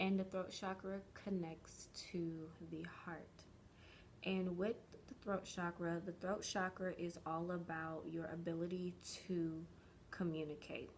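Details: Stuttering in an adult woman since early childhood, which she believes is developmental stuttering and is still working past; stuttering.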